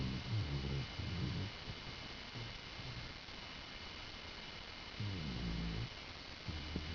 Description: This is my Dog Lily snoring while sleeping on my bed.